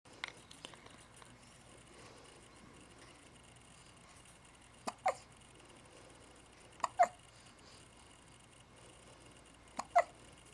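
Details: Hiccups: sharp, brief hiccup sounds, often in quick pairs, recurring about every two to three seconds in a quiet room.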